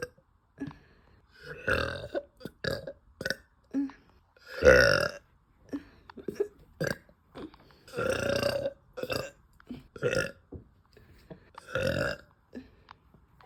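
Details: Woman, bloated, burping loudly after eating: a run of loud, drawn-out burps with shorter gulping sounds in between; repeated belching.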